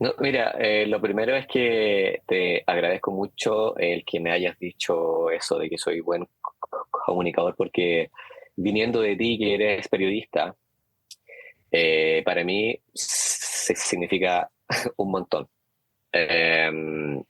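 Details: Adult man who has stuttered since growing up, saying some days, such as on the phone, are extremely difficult, speaking in a Spanish-language interview; stuttering.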